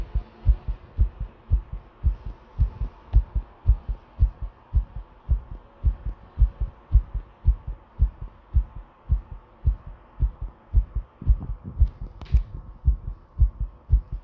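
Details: Heartbeat: a strong, regular, pounding heartbeat at about 113 beats a minute, faster than a typical resting rate.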